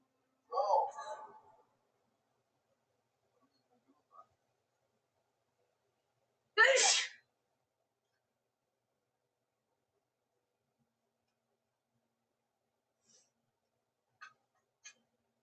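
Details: Woman's sneezing fit, edited loop: in a quiet room a voiced burst is followed by a forceful sneeze, then only faint clicks; one sneeze from a repeated sneezing bout.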